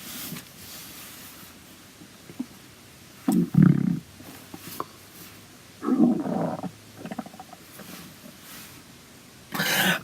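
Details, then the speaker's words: A young girl's stomach, heard while she rubs it, gives low gurgling rumbles in two short bursts against quiet room noise: stomach growling (borborygmi). "I don't know if you guys can hear that but my stomach keeps Corral II like think I'm rubbing it right now"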